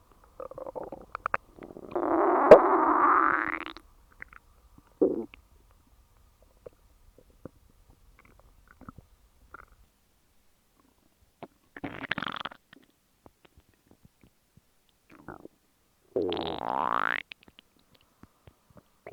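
Several loud, gurgling, rising growls from the belly separated by silence; ordinary stomach rumbling of digestion.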